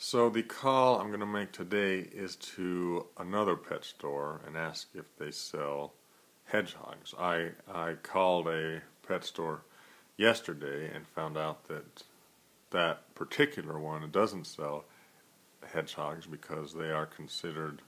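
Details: Adult man who stutters, in a daily phone-call practice project to overcome fear of stuttering on the phone; stuttering.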